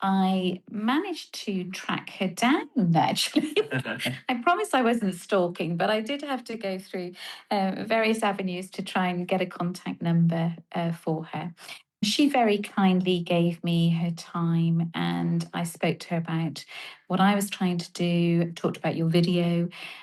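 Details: Adult woman speaking; ordinary speech.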